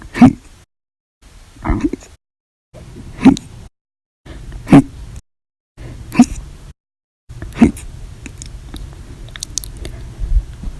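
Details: Compilation of hiccups recorded 8/1/19 to 8/31/19, described as violent, loud or silent, audio only: six short, sharp hiccups about 1.5 seconds apart, each a sudden catch of breath, separated by silence; hiccups.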